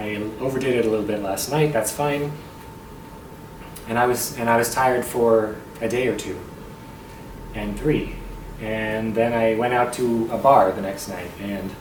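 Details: Adult male tenor with muscle tension dysphonia on a self-described really bad night; talking feels effortful and his voice very strained. Muscle tension dysphonia.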